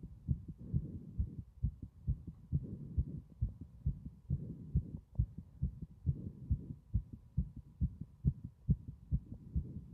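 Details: Strong heart sounds throughout: regular low thumps at about 136 a minute, a fast rate.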